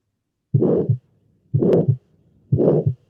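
Heartbeat at about 60 a minute, each beat a harsh, even murmur filling nearly all of systole between the first and second sounds. The second sound is single. This fits tetralogy of Fallot: the bar-shaped murmur of a ventricular septal defect plus pulmonary stenosis or atresia.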